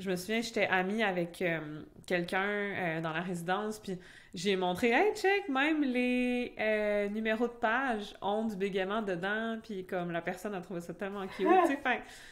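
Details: Adult French-speaking (Québec) woman who stutters, in conversational speech; real stuttering.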